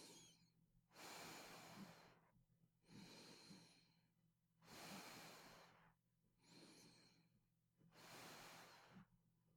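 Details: Steady airy breaths with no snoring rumble or flutter: quiet sleep breathing without snoring.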